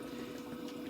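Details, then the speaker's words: Steady watery bubbling from a bubble CPAP bubbler on an infant simulator, showing the circuit is holding pressure. "immediately what i'd like you to notice is that it's starting to bubble so there is some resistance within that tubing that is causing it to bubble"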